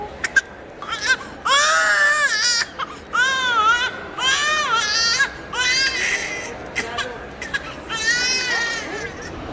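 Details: 7-month-old baby girl crying during ear piercing while held by her father, scared and with stranger anxiety: loud, high-pitched repeated wails with catching breaths, an adult voice occasionally nearby; infant crying.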